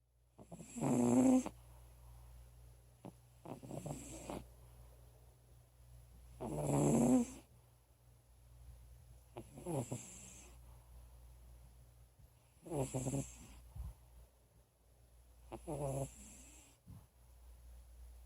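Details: Soft, fluttering snores on each breath, roughly ten a minute, over a low room hum, from a sleeping female cat about 16 or 17 years old with asthma, usually a really loud snorer; snoring.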